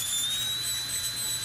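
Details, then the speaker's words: Dental handpiece polishing teeth and removing adhesive right after braces removal, first finishing step: steady high-pitched whine of a slow-running handpiece. "do a nice polish, remove any adhesive."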